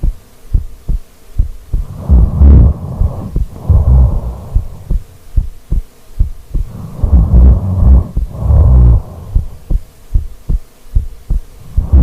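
Loud, rough snoring breaths recur every few seconds over a steady low thumping background.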